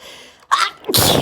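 A quick inward gasp followed by a sharp, explosive sneeze, one of a rapid run of allergy sneezes.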